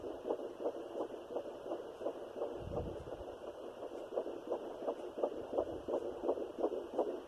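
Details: Fetal heartbeat at 12 weeks of pregnancy (third pregnancy after two miscarriages), taken with a Sonoline B fetal Doppler with a 3 MHz probe: fast, regular whooshing at about 170 beats a minute with one brief low rumble.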